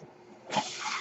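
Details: Noise of a podcaster's mechanical ventilator heard while he speaks.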